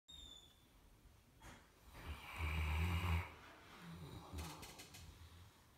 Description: Just a Saint Bernard dog snoring like a human.